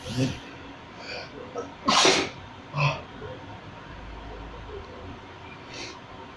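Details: A self-provoked sneeze at home, which the person says he can trigger: a sharp intake, then a loud explosive sneeze with smaller sneezy bursts, over steady room noise.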